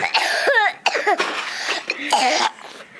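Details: Child with asthma laughing and spinning in a chair: several harsh, breathy cough bursts mixed with squeaky, high-pitched laughter, coughing repeatedly during laughter.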